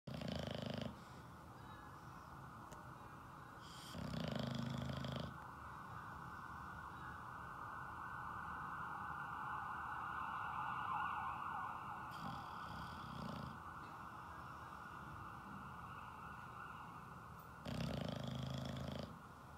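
Loud rumbling snores from a sleeping dog recur every several seconds over steady breathing noise; typical of flat-faced breeds.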